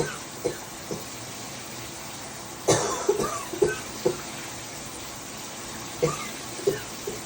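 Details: About nine short, sharp, dry coughs, several in quick clusters with pauses between, over faint room noise; repeated coughing.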